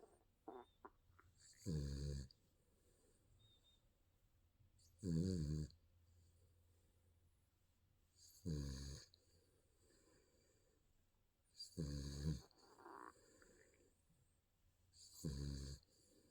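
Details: Sleeping baby snoring: regular short snores on each in-breath, about 18 a minute, with quiet pauses between.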